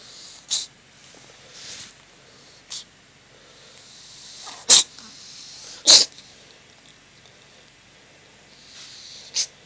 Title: Kitten sneeze cough